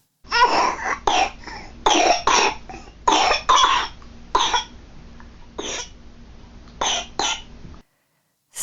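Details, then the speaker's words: Infant with bronchiolitis: repeated persistent, dry, harsh coughs in close runs, deep in the chest and irritating, almost sounding like mucus; typical bronchiolitis cough. "so as you can hear there the cough is persistent and dry it can sometimes be so deep in their chest and so irritating that it can almost sound like this mucus down there"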